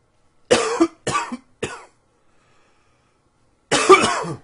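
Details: Three quick dry-sounding coughs in a row, a brief pause, then one more forceful cough from an adult in a quiet room, recorded in spring; cough.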